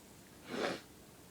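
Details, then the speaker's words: One brief, soft, breathy burst of air through nose and mouth, a single muffled sneeze, described by a companion as a strange sneeze. "your sneeze is even worse than mine"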